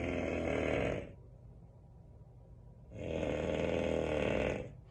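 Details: Man's snoring recorded by his wife: loud, rough, rattling inspiratory snores about 2 seconds each with quiet pauses; began about a month ago, and Breathe Right strips made little difference.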